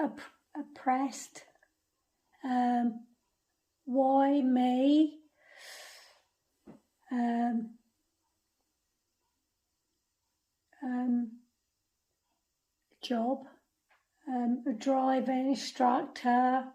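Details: Non-fluent expressive aphasia in a woman after a stroke at age 46; halting speech with word-finding pauses.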